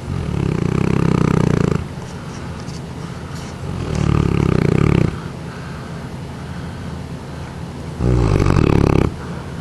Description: One of our Neapolitan Mastiffs, Tootsie, 6 years old and 153 pounds; she snores pretty loud, then I wake her up and she's too tired to move.